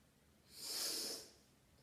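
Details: Single sneeze, described as a "standing head sneeze": a short, hissing burst of air through the nose, like a snort or sneeze.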